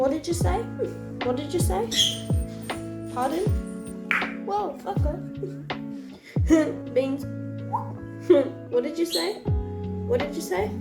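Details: Female speaker with the neurological condition Tourette syndrome, producing repeated vocal tics while cooking; Tourette syndrome vocal tics.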